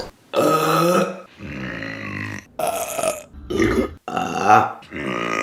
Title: Burping Compilation August #4 | RBC